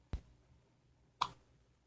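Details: Baby's first hiccups at 4 am, two soft, abrupt clicks about a second apart in a quiet room; infant hiccups.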